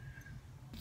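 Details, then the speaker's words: Adult's hungry stomach gives a brief, low, droning rumble that she likens to a foghorn: stomach growling (borborygmi). "stomach keeps talking to me. Yeah, I know. My stomach growled like a foghorn."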